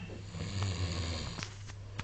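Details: Man asleep: low rumbling snore through a breath, with a few faint clicks and room noise; ordinary snoring in sleep.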